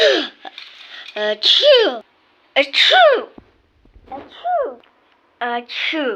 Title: Flying moco sneeze compilation